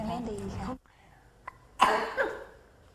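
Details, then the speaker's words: Child with ongoing cough, assessed for possible pneumonia or other severe acute respiratory infection; a voiced cry-like sound, a pause, then a single loud wet cough burst. "Anak yang menderita batuk mungkin menderita pneumonia atau infeksi saluran pernapasan akut yang berat lainnya."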